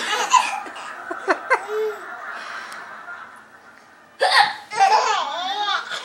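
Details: Grandmother's hiccups amid a young child's laughter and vocal sounds: sharp, brief hiccup catches; hiccups.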